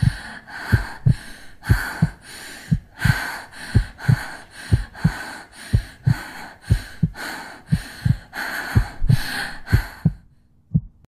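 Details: A girl's steady, regular, low heart thumps with a soft breath hiss over them; a normal heartbeat with breath sounds.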